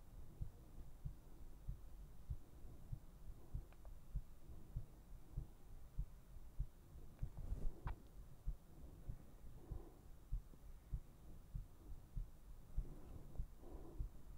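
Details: Steady heartbeat for an ASMR sleep recording: soft low thumping at about 98 beats a minute under a steady hum; regular rhythm.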